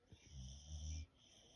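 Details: Sleeping American Bully puppy snoring: one low, rumbling snore lasting about a second.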